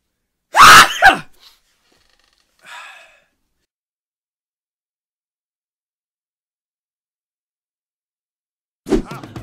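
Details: A loud, explosive sneeze followed by a brief sniff, with another burst starting at the end: sneezing.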